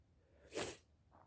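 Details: A single sharp sneeze in a quiet room from an adult who is sick with a stuffed-up nose, recorded in the morning; sneeze.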